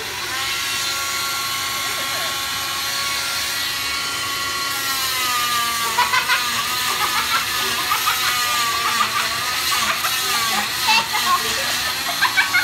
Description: The blade is oscillating and by moving back and forth quickly it can cut right through the hard cast but never injure your skin.